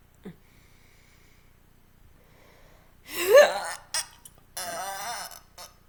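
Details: Voluntary eructation: a quiet room, then a short rough belch followed by a few small sounds and a second brief voiced belch.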